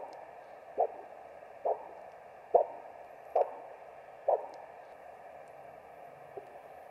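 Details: ABPI measurement in an OSCE demonstration on a patient with no pain and no medical history: Doppler probe over the foot (dorsalis pedis) artery as the ankle cuff deflates, regular whooshing pulses at about 34 a minute; normal arterial signal.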